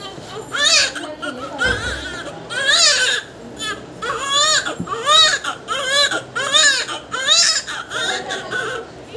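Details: Newborn boy just after normal vaginal delivery, around umbilical cord cutting and stomach wash: loud, strong, high-pitched repeated wails with background music and room noise; vigorous newborn cry.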